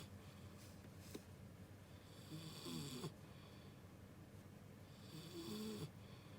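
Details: A sleeping American Bully dog gives two rattling, rasping snoring breaths with quiet pauses between them, about 20 breaths a minute: ordinary snoring.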